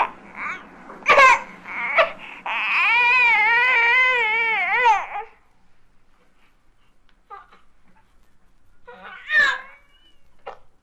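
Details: Baby's short grunts, then a sustained strained cry with wavering pitch, then quieter effortful sounds: normal grunting and crying while passing a bowel movement; 1967 recording of baby sounds.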